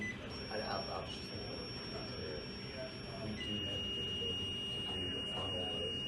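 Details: ZOLL defibrillator connected to a rhythm simulator, pads placed front and back, during rhythm analysis and charging: steady high electronic alert tones, with faint voices in a small room.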